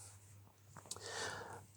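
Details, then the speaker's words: Sleeping cat snoring: soft, raspy, snorting breath noise over a low electrical hum in a quiet room. "can you hear that that's a snoring cat"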